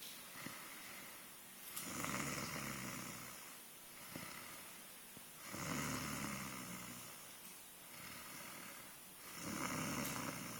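Slow, rhythmic rattling snores on each breath in, roughly 16 a minute, with quiet pauses between.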